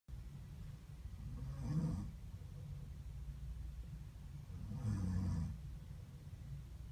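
Two low, rough, rattling breaths about three seconds apart over a steady background hum: snoring.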